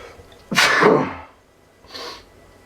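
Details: One loud, explosive sneeze with a sharp inward catch, then a softer breathy exhalation; a single allergic sneeze attributed to pollen.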